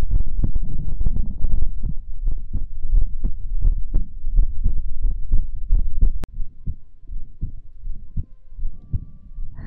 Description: This is another Heartbeat Sounds ASMR video.